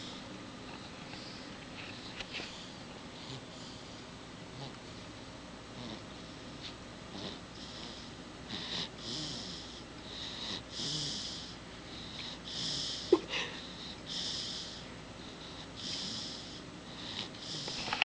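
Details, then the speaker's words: A baby just over a month old, who snored a lot as a newborn, snores while asleep: soft, snuffly, noisy breaths at about 40 a minute, a light infant snore. "snores when he sleeps. It's really cute."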